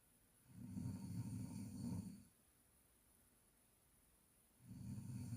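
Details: Snoring: low, rattling snores on breathing in, separated by quiet pauses of about two seconds.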